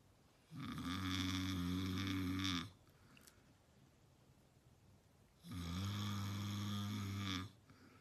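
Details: Man snoring heavily, filmed as a prank: two long, loud, droning snores about five seconds apart, each lasting around two seconds; snoring.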